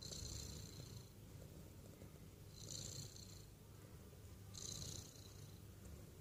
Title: Hilarious cat snoring awake